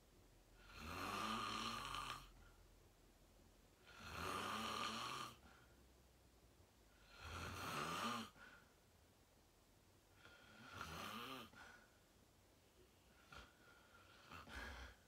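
Loud rattling snores on each breath in, about five in fifteen seconds with quiet pauses between; ordinary snoring during sleep.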